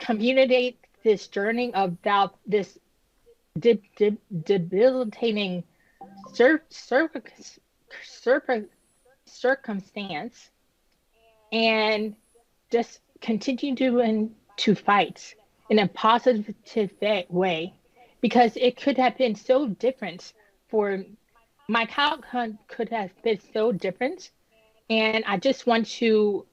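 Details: Woman nearly 10 years after an ischemic stroke at age 36 that damaged about a third of her brain, including the speech center, initially leaving her unable to speak; she has repetitions and word-finding pauses from post-stroke aphasia and apraxia of speech.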